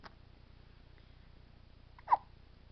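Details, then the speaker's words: Newborn boy, 3–4 days old, with hiccups: two brief, soft, abrupt hiccup sounds in a quiet room, the second louder; infant hiccups. "has the hiccups."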